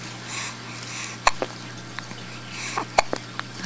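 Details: Three-week, two-day-old baby with hiccups: two sharp, abrupt hiccups about two seconds apart over steady room noise.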